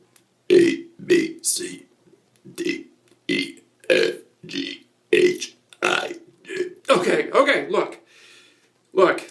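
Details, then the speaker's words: Adult man on a comedic commercial audition tape deliberately burps about a dozen short voiced burps shaped like spoken syllables, as if burping the alphabet. "i actually just wanted to talk to you i'm not trying to do the burping just yet but wow uh well i guess might as well showcase some of that as well"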